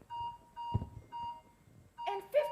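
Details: Repeated two-tone monitor alarm beeps with a brief thump: a low oxygen saturation alarm during a simulated anesthesia crisis, with bilateral rales after 15 irrigation bags and suspected TUR syndrome.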